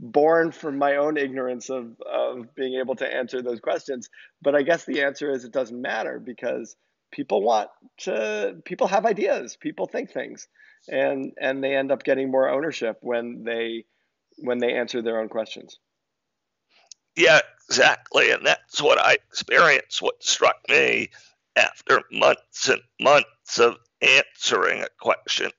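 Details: Adult man diagnosed in 2012 with spasmodic dysphonia, a rare neurological speaking disorder that made communicating difficult and caused partial loss of his voice; real, not acted; spasmodic dysphonia.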